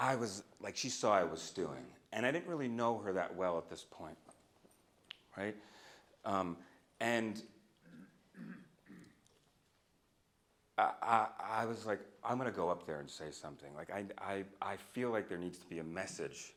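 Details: Adult man who stutters, a speech-language pathologist and stuttering researcher, speaking live at a keynote; he says he used to stutter overtly much more; stuttering.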